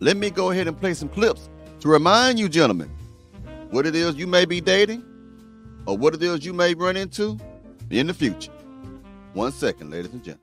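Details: Adult man speaking; ordinary speech.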